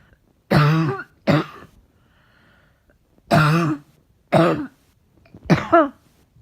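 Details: Cough recorded in January 2019, tagged as a barking, chesty cough.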